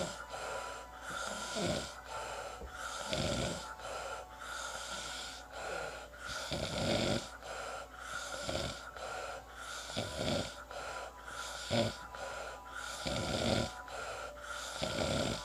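Repeated harsh, rattling snores during breathing, roughly every two seconds, over a steady background hum; typical snoring.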